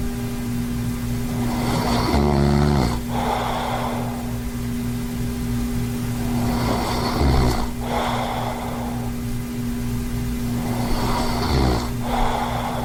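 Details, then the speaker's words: Adult man with sleep apnea, found on sleep study, snoring overnight while wearing a ZQuiet jaw-advancing mouthpiece: three rough, rattling snores about every 4.5 seconds over room hum; residual snoring mainly when lying on his back. "it didn't stop my snoring 100 but it was mainly when i was laying on my back with my face straight up and down where your jaw's more likely to fall completely fall down i would start snorin"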